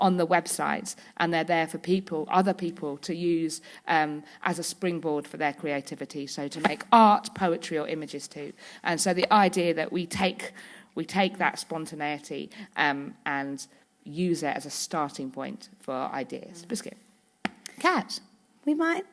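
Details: Woman with Tourette syndrome whose vocal tics, such as "biscuit", interject her speech; vocal tics (Tourette syndrome).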